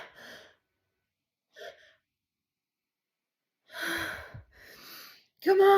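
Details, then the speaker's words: Induced sneeze: breathy, catching inhalations and short gasps build up from a stubborn nose tickle, ending in a sudden loud voiced sneeze. "I feel like I need to sneeze like you have the you know you know the tickle but it just can't get over the edge"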